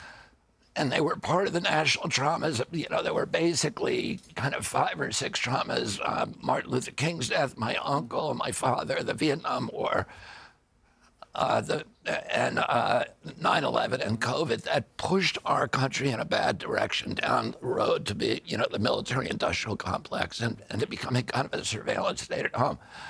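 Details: Adult man, spasmodic dysphonia, described as the neurological disorder spasmodic dystonia, onset at 42 after a 1996 injury; nerve signals tighten vocal cords constantly, cords uninjured; Kyoto surgery about eight months earlier made voice more reliable; now trying alternative therapies.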